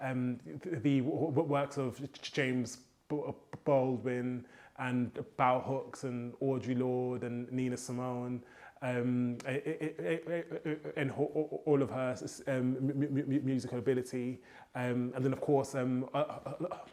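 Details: Adult man with a stammer since childhood, who says copying rhythmic hip hop flows helps his fluency; stuttering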